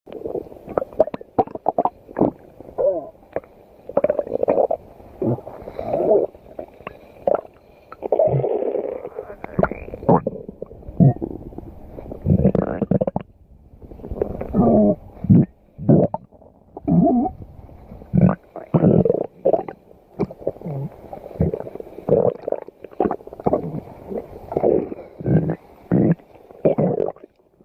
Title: listening to stomach growling